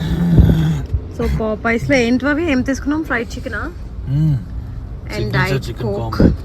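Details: Adult speaker; ordinary speech.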